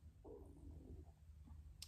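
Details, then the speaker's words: Woman's stomach rumbling (borborygmi) while talking. "my stomach's really going for it. I do apologise."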